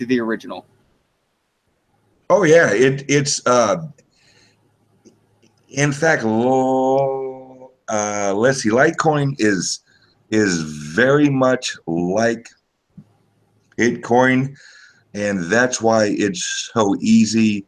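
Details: Self-reported speech impediment of unspecified type in a man; disfluency; speech impediment.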